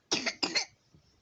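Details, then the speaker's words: 9-month-old baby with runny nose, cough and fever at night, declining feeds; two short, dry, hacking coughs, no wet or rattly quality; dry cough. "i think um she has she has a a cough and some runny nose so this that's what contributing to her having these fevers at night"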